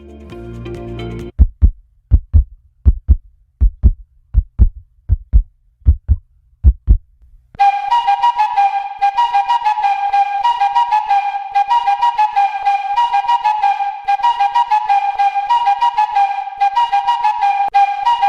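About ten regular, deep heartbeat thumps, roughly 80 a minute, followed by flute music.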